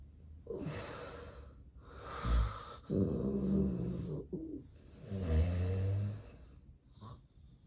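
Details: Real, unacted daytime nap by someone with daytime sleepiness, recorded as snoring with sleep apnea episodes: loud, rough snores and heavy breathing broken by short gaps; obstructive sleep apnea snoring.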